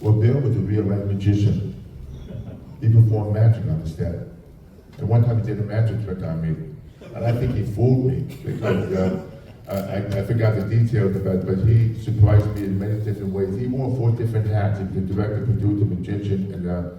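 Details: Adult male with profound hearing loss, childhood speech challenges and a speech impediment, trained in phonetics with marbles in his mouth, now with a cochlear implant: speech of a person with profound hearing loss.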